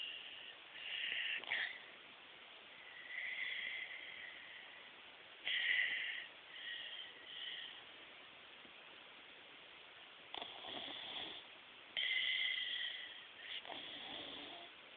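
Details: Snoring: irregular raspy, hissing breath sounds with pauses, in a muffled phone recording.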